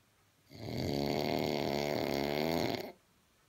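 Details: Drunk man snoring: one long, loud, rattling snore on a breath in, lasting over two seconds, with a coarse fluttering buzz.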